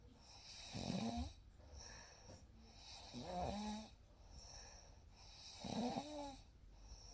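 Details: Real night recording of snoring during sleep: soft, rough snores with each breath, about 24 a minute, against quiet room hiss; ordinary snoring during sleep.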